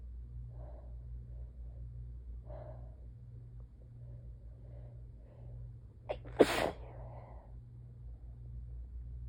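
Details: Single forceful sneeze after a quiet breathy build-up with a sharp catch, over a steady low hum.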